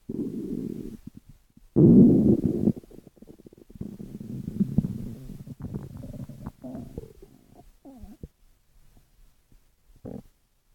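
Low rumbling and gurgling bursts with squeaky, shifting gas sounds between quiet gaps: ordinary stomach growling, a normal sign of gut movement.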